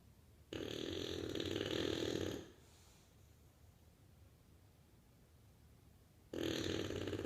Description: Bulldog problems. Snoring bulldog. Snores like a freight train.